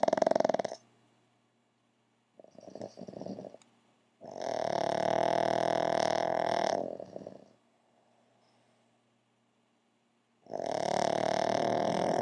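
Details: Two pugs sleeping on a couch: loud, honking, wheezy snores with short grunting snorts between them and silent gaps; snoring.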